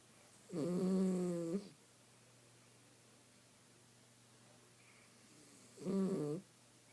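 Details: Two drawn-out, buzzing, whining, whistling breaths about five seconds apart from a miniature schnauzer napping; snoring.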